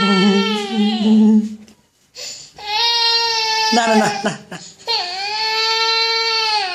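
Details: Infant crying in loud, high-pitched wails separated by short breaths; no cough heard despite the label "Batuk" (cough); infant crying.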